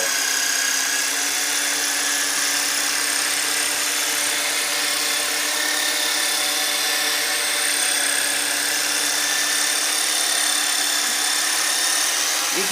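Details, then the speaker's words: Loud, steady buzzing motor with rapid pulsing from a modified jigsaw percussive instrument breaking up scar tissue and adhesions in the upper and mid-back muscles of a woman being treated for thoracic kyphosis. "a re retooled jigsaw that we call the Terminator and it gets in there and breaks up fontic scar tissue and adhesions that develop in these muscles over time"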